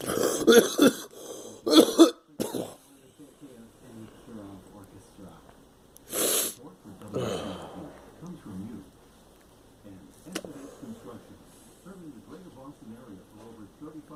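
A child gives a run of sharp coughs, then a few more scattered coughs and breaths in a quiet room.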